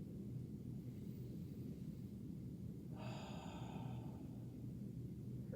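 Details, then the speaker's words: Student physical therapist auscultating posterior apical segment of upper lobe, stethoscope above scapular spine over trapezius; patient takes one big deep breath, likely exhaled through the mouth, over low room hum; normal breath. "So, I'm going to go right above the spine of your the scapula kind of over the trapezius. And then I'm going to have you take a big deep breath for me."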